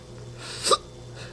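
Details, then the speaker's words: A single sharp, brief hiccup over low room hum, recorded around 3 a.m. from someone with persistent hiccups they cannot get rid of. "but unfortunately I uh have this slight problem that I can't seem to get rid of some of you may know it as the hiccups that it's becoming a problem"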